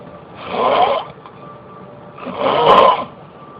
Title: Snoring...